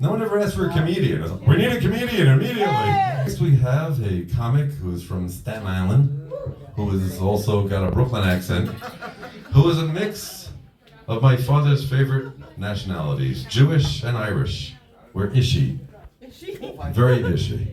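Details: Adult male speaker; normal voice.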